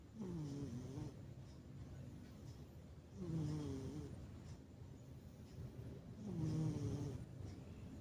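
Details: Snoring in a sleeping cat: soft, rumbling snore with each breath, about 19 breaths a minute; normal snoring.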